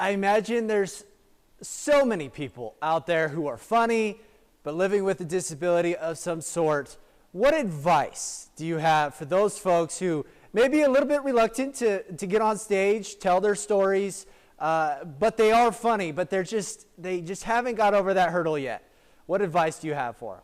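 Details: Adult interviewer speaking; typical speech.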